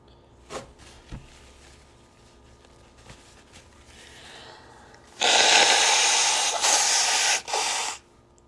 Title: #84 - a couple of sneezes and lots of snotty, honky nose blows from my cold